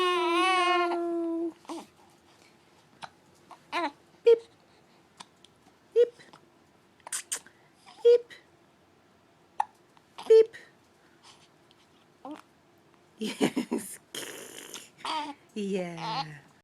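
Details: Infant in early days of life with hiccups: short, sharp hiccups about every two seconds, close to 28 a minute, between quiet fussing and babbling.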